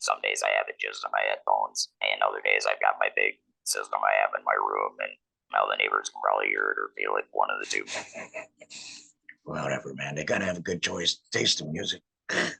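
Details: 47-year-old man, laryngectomee since a 2019 laryngectomy, speaking with an electrolarynx, which took him about a year to get familiar with; electrolarynx speech.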